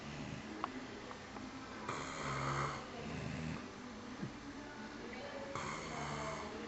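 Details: Two people asleep in a room snoring: a faint, hissy recording of low rattling snores with some background noise.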